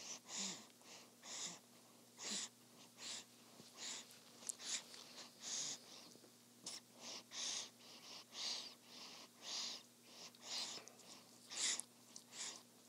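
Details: Soft, even breaths about once a second with faint nasal snuffles over a steady low room hum, from a newborn baby girl sleeping peacefully after her first feeding; normal infant breathing during sleep.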